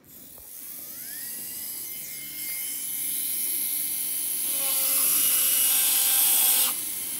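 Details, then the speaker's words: Class I cingulum pit cavity preparation on an upper canine: a fissure bur angled 45° to the tooth axis enlarges the cavity. A high-pitched dental drill spins up to a steady whine, then grinds as it cuts. "Nous allons procéder à l'élargissement de la cavité. Toujours dans le même axe de la trépanation, c'est-à-dire que ma fraise est toujours orientée de 45 degrés par rapport à l'axe de la dent."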